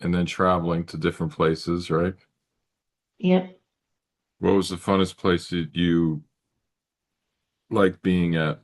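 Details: Adult conversational speech, brief second voice; typical speech.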